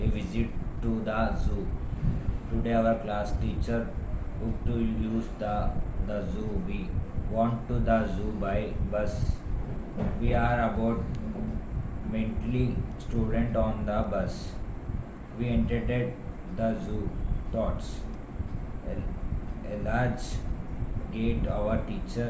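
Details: Adult patient, likely pre-therapy assessment, voice thin and high before, then became harsh, old-man-like and excessively low-pitched after thyroplasty/vocal fold surgery, with slight post-surgical swallowing difficulty; dysphonia with abnormally low pitch.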